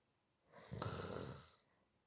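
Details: Soft snoring played as a relaxation sound: a single soft, rough snore on one breath, rising then fading over about a second, in a quiet room.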